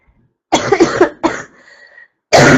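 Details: Sick woman coughing while talking, noting mucus at first but none now: a burst of several harsh dry coughs, a throat clear, a brief pause, then another cough; cough.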